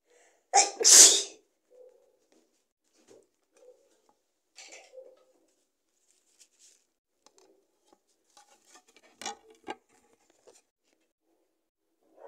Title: Sneezing into a CD! ( f )